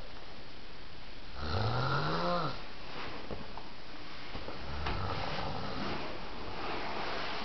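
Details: A single loud, low, rattling snore on an in-breath, followed by quieter breathing in a small room while on vacation; snoring.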